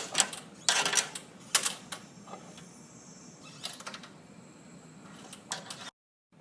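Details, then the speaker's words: Dräger neonatal transport ventilator: oxygen cylinder valve opened to check remaining contents before transport, giving sharp clicks and valve handling, then a faint hiss of gas. Oxygen cylinder valve opening. "وهذا هو السلندر نفسه. فالحين بفتح السلندر وأشوف كم فيها."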